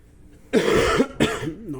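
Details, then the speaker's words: Two harsh coughs from an adult man with a hoarse voice, a current cough and a blocked nose: the first long and rough, then a brief vocal sound; cough. "Non, excusez-moi. J'ai la voix cassée et je tousse en ce moment, donc c'est un peu la galère. Et j'ai le nez pris."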